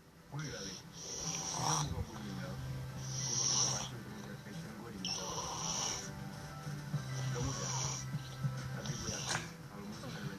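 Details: Man asleep while sitting up, snoring: low rumbling snores with each breath in, a hissing breath sound, and background talk and music.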